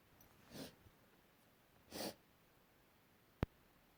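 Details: Repeated sneezing after working with wood and dust: two noisy sneezing bursts about a second and a half apart, then a sharp click.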